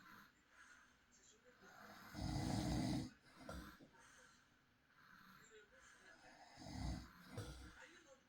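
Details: Real recording of an adult husband snoring at night: soft, low, rough snores recurring between quieter breaths, with faint room noise; snoring during sleep.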